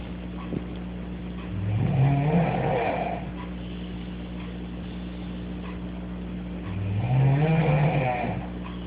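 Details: Girl snoring in the middle of the night, sheep-like: two long wavering snores about five seconds apart, each rising in pitch with a bleating quality, over a steady low hum.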